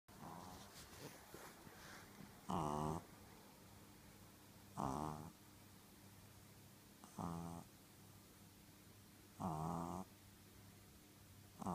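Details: Sleeping pug: loud, rattly, vibrating snores at about 26 a minute with quiet pauses between; snoring.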